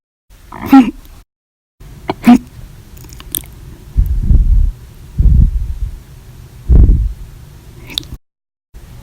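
Abrupt, sharp, jerky throat sounds at irregular intervals, about six in nine seconds, some loud and some muffled: hiccups.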